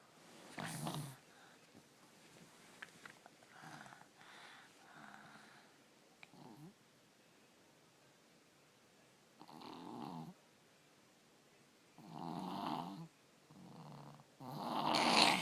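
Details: 3-year-old child with strep throat snoring while asleep: irregular, noisy, harsh and gurgling breaths, snoring usually bad but worse with the throat infection; ENT visit being considered.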